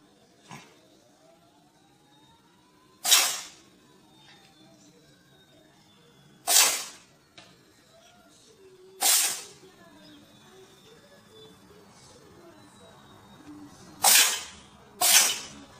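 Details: Cat that can't stop sneezing: five short, sharp, hissy sneezes in about sixteen seconds separated by brief pauses; repeated sneezing.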